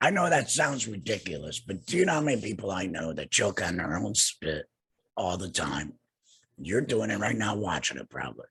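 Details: Adult man two years after laryngectomy for cancer treated with radiation and chemotherapy; no larynx, breathes through a neck stoma, speaks via tracheoesophageal puncture (TEP) voice prosthesis with HME; tracheoesophageal speech.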